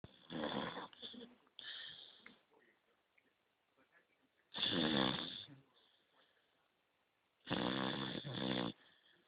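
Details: 9-month-old Beagle puppy sleeping at rest: loud, rattling snores recurring in bursts every few seconds with quiet gaps between; ordinary snoring.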